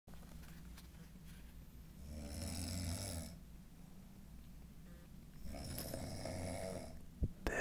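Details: Sleeping person with a deviated septum, surgery apparently not fixing it: two deep, rumbling inhaled snores with quieter breaths between, in a quiet room; snoring.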